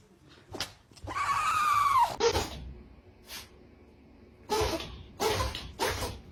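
A run of quick, sharp nasal bursts from a dog, mixed with a whining vocal sound; repeated sneezing.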